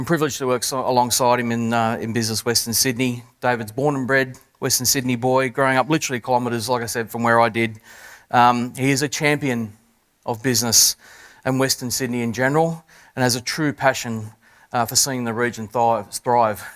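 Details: Adult male speaker; Normal speech.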